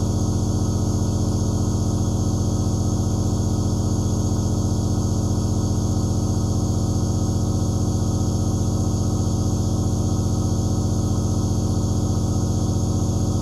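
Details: Nebulizer compressor running continuously: a low droning motor hum with a steady fast vibration, recorded as aerosol white noise.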